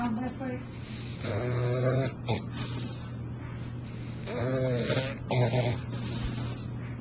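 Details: Bulldog snoring while asleep: two harsh, rattling breathing noises with a steady low hum throughout.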